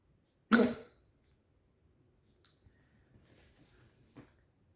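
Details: Persistent hiccups that won't stop: one abrupt, loud gulping jerk of sound, then quiet with a much fainter catch later.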